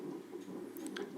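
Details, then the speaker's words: Fetal heart rate on Doppler during a non-stress test at 27 weeks of pregnancy: rapid soft whooshing pulses within the normal 120–160 bpm range; normal fetal heart rate. "can hear the baby's heart beating and it's in that range"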